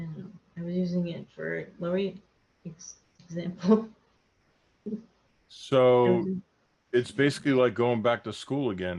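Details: Aphasia in an adult woman after a hemorrhagic stroke; she could not talk for two years afterward and still has word-finding difficulty.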